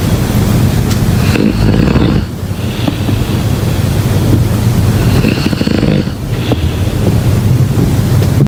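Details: Sleeping person: two slow, coarse breath sounds about four seconds apart under heavy rushing background noise; snoring.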